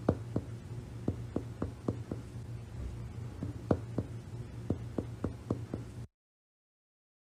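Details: About thirteen sharp finger taps in short groups over steady low hum during a respiratory physical examination lesson, then silence and a burst of noise: chest percussion notes, including resonant, tympanic, dull and flat.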